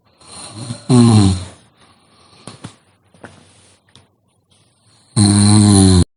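Loud, rough, rattling snores on two breaths with quiet, faint breathing between them: heavy snoring.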